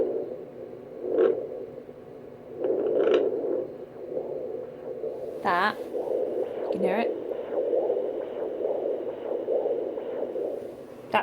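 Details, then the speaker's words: Fetal Doppler placed low near the inner groin of a woman 13 weeks 4 days pregnant after IVF picks up her own arterial pulse, not the fetal heartbeat. "me that that's the sound of because I got it quite close to my inner groin which means that's my artery"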